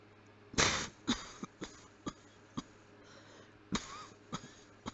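About eight short, muffled coughs with the mouth kept closed, in a quiet room; performed on request.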